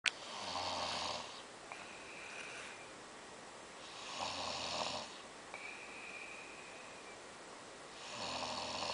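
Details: Snoring: three rattling snores on breathing in, each with a soft whistling breath out, about 20 breaths a minute.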